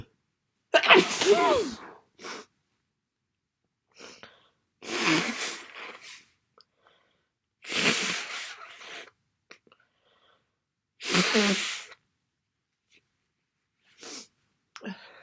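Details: Four forceful, wet sneezes, each a sharp intake then explosive release, with small sniffs between; sneezing with a head cold.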